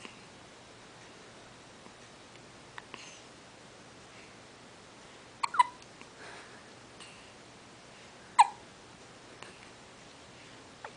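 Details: Baby with hiccups: a few faint, sharp, abrupt catches spaced irregularly over quiet room noise.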